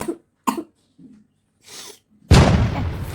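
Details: Two short, sharp coughs from a young daughter with a cold, followed by quieter sounds and then a loud burst of room noise; a child's cough.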